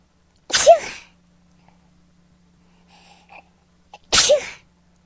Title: Trying to stop sneezing